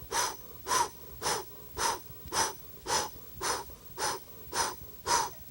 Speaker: you don't even hear the lub dub you just hear the murmur which is blowing mitral insufficiency it's just pure blowing and it radiates all over the place